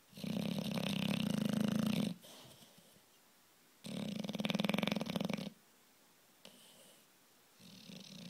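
Loud, rough, rattling snores lasting about two seconds each, separated by quiet pauses, roughly 16 breaths a minute; typical noisy snoring of a flat-faced dog.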